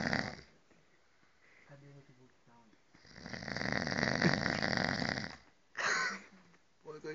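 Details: A man snoring while asleep at a retreat: a long, rough, fluttering snore with shorter snorts around it and brief background talk in the room.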